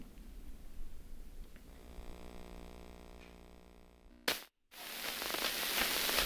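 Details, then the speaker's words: Microelectrode recording during awake deep brain stimulation surgery for essential tremor: neuron electrical activity is converted to audible sound. A low hum, a brief gap, then dense crackling static of neuron firing. "She'll brush the skin and listen to the reactivity of the neurons that receive that information."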